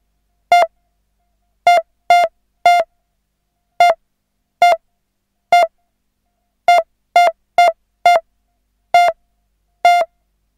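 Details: Simulated hospital pulse monitor sound effect: synthesised beeps about 67 per minute, with clustered and widely spaced beats, signalling an erratic, irregular pulse.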